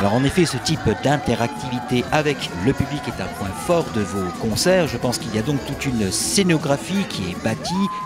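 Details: Adult male speaker; normal speech.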